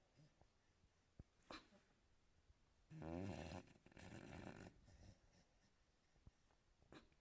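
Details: Sleeping American Staffordshire Terrier dog named Cuba in a quiet room: brief buzzing, rattling snore and a breathy snort; snoring.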